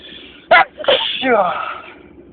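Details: A sharp, loud sneeze, then a drawn-out voiced sneeze: part of a very long fit of loud spring allergy sneezes.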